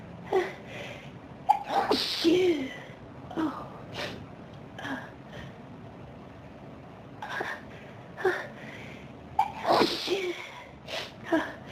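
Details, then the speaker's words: Dust-triggered sneezing fit: a rapid run of repeated sneezes with short gasping inhalations between them. "Oh, wow. This is a big sneezing fit."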